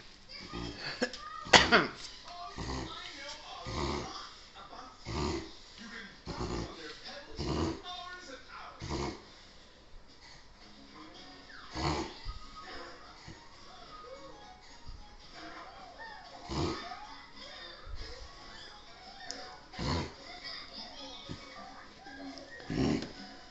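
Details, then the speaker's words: A female dog makes a long run of repeated loud snorting inhalations, described as her longest episode, afterwards seeming better; reverse sneezing. "That was the longest sneeze. I didn't get it all. It's a long sneeze, girl."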